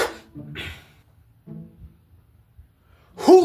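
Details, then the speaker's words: Acted sneeze in a comedy sketch set during a quiet classroom test: soft voices in a quiet room, then one abrupt loud sneeze burst at the end. "Why are you talking during a test? I sneezed."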